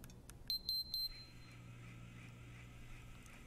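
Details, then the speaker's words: Flocare Infinity enteral feeding pump: three short high key-press beeps as the flow rate is set and start/stop pressed to begin the program, then quiet room noise. "then simply use the plus and minus arrow keys to change the flow rate and press the start stop key to initiate the pro"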